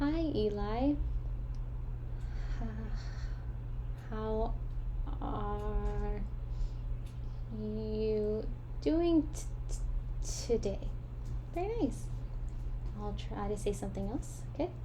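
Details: Voluntary (simulated) stuttering: a female clinician deliberately fake-stutters in a fluency therapy demonstration, with small, chosen repetitions or prolongations.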